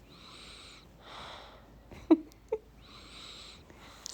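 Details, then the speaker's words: Sleeping baby snoring: soft, whistly breaths repeating about every two seconds, with two brief clicks between them. "okay guys i just listened to my last voiceover and you can hear my little baby snoring"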